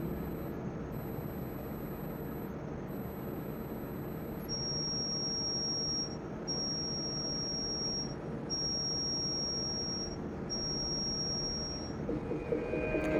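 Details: Simulated tinnitus played on a Spanish-language radio program: a steady rushing hiss with a shrill high-pitched whine breaking into repeated pulses.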